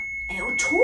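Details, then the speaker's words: During a children's CPR training demonstration, pads are placed on the right collarbone and the left side, and a practice AED is switched on. A steady high electronic tone is followed by the start of its voice prompt: AED power-on tone. "and we're going to make sure we've turned the machine on"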